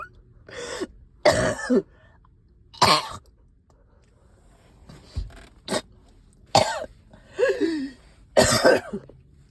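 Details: About six loose, rattly coughs with throat clearing between, during a night of coughing with sticky phlegm, heavy chest and headache; productive wet cough.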